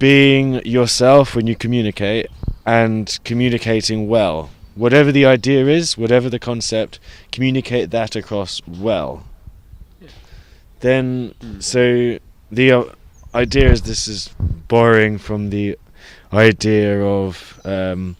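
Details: Adult who stutters, reporting months of bad speech days with blocks; stuttering.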